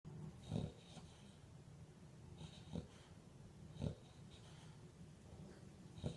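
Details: Female Olde Boston Bulldogge sleeping with eyes wide open and twitching, snoring: low, rattling snorts with each breath, about 25 to 30 a minute, over a quiet hiss.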